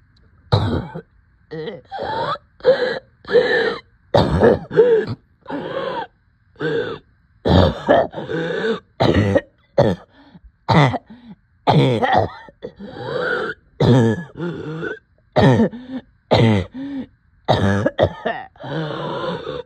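Repeated short voiced coughs and throat-clearing bursts with strained breaths between them; a persistent cough with breathlessness.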